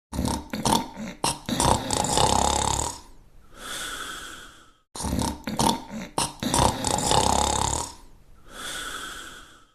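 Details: Cartoon TV series character snoring while asleep: loud rattling snort in, then a whistling exhale, the same cycle played twice.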